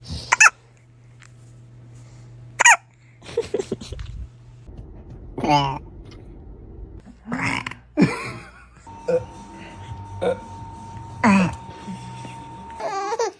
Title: Baby hiccups #funny #fpy #baby